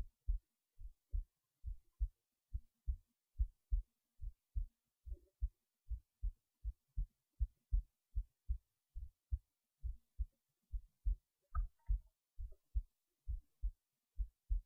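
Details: Normal resting heartbeat recorded while lying in bed late at night before sleep: steady, regular, low thumps at about 70 beats a minute.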